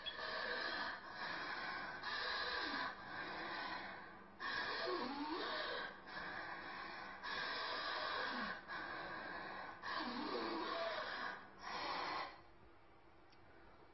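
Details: Teaching audio from a Chinese medicine listening-diagnosis lecture: rapid, effortful breathing with noisy, drawn-out breaths in and out, about five cycles in twelve seconds; deficiency-type dyspnea (xu chuan).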